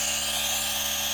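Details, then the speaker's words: Steady high-pitched hiss and hum of a G-Tech Compact DC1 compact home nebulizer/inhaler running continuously, producing plenty of mist. It is fairly quiet, said to be less noisy than other models. "Can you see the smoke there? Look, it doesn't make as much noise as other models."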